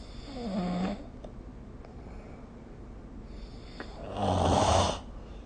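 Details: Sleep snoring recorded with the SnoreLab app: two rough, vibrating snores about four seconds apart with quiet breathing between, in a small room; ordinary snoring.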